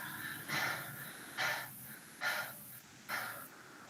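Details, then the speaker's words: Normal tracheal breath sound heard with the stethoscope diaphragm at the cricoid cartilage while the patient breathes deeply through an open mouth: loud, harsh, hollow sounds through both inspiration and expiration. "Voy a localizar la membrana a nivel del cartílagocricoides y le pido que respire con la boca abierta como cansada."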